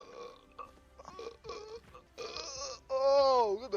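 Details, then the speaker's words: Man burping during a game stream: several croaky voiced bursts ending in a louder drawn-out belch, faint background sound. "Are the burps just rolling, bro?"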